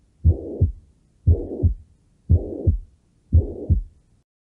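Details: Simulated heart sounds from a simulator: a regular heartbeat of about 58 a minute with a continuous whooshing sound filling the gap between the two heart sounds, suggesting a murmur.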